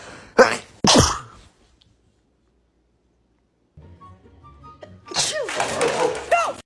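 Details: Two sharp, explosive human sneezes near a pet cat, then quiet, then the cat's meows and background music; sneezing.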